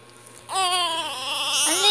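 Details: One-month-old infant crying: a high-pitched, tonal cry rising again at the end; an ordinary newborn cry.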